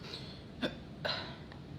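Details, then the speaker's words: A person who woke with hiccups and has had them all morning, trying a hiccup straw, gives two short, sharp catches of breath about half a second apart, then a fainter third, over room noise; hiccups. "I woke up about 10 minutes ago and I have the hiccups and I finally get to use this hiccup straw."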